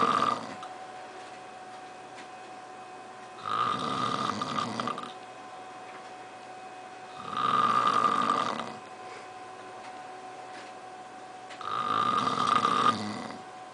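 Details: Man who says he doesn't snore: three rattling snores on breathing in, about every four seconds (roughly 14 a minute), with quiet breathing out over a steady background hum.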